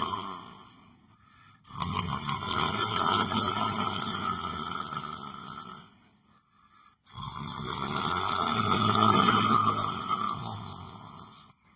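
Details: Person sleeping while sitting in a chair: two long, loud, rumbling snores, each about four seconds, separated by a brief quiet pause; heavy snoring.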